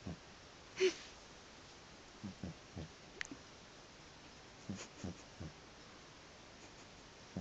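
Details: Sleeping cat snoring, louder than the TV: short, soft snorting breath sounds recurring in clusters about every two to three seconds.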